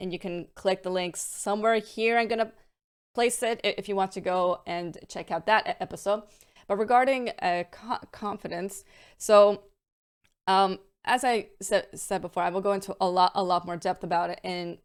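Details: Adult woman with a stammer involving repetitions, prolongations and blocks, varying day to day and worsening with stress and mental state; stuttering (stammer).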